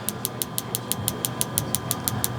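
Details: Focused shockwave therapy on a former football player's right knee for patellar tendinitis, started at a light setting: sharp, regular clicking pulses about six per second as the device fires.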